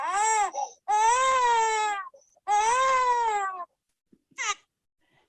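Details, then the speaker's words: Infant's lower wind (colic) cry in Dunstan Baby Language, baby in a lot of pain, as if constipated and stuck: loud, sustained, high-pitched, intense urgent wails. "so that's the the one we want to avoid because you could hear and they're quite upset at that point in time"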